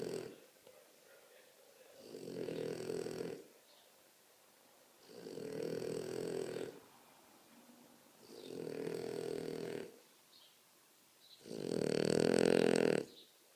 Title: The biggest snoring everrr!!